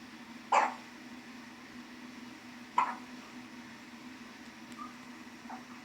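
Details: Hiccups in a male who got upset after being put down: two short, sharp hiccup sounds about two seconds apart, then fainter ones, over quiet room noise.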